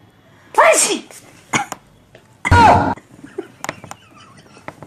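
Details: Sneezing prank, so the sneezes may be put on: two sudden, loud, explosive sneeze-like bursts with a short gap between them, then clicks and rustling.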